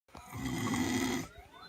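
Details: One rough, rattling snore-like breath lasting about a second, reportedly from a wild female, with faint outdoor noise around it; snoring.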